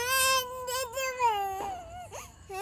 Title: my daughter crying....